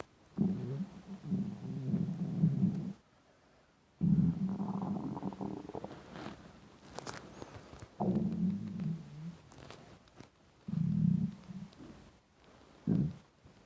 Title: Intense stomach rumbling hungry